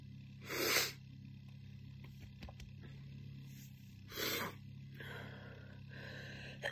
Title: Morning Chesty Barking Cough